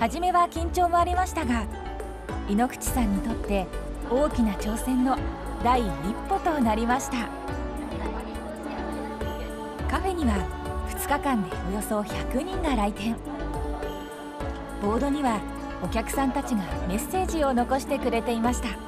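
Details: Adult female narrator; typical speech.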